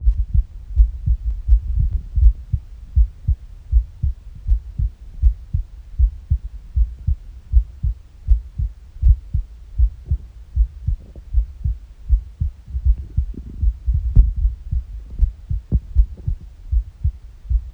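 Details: Morning heartbeat recorded on an empty stomach: steady, regular low heartbeat thumps with a few soft gurgling bowel noises; normal heart sounds with bowel sounds.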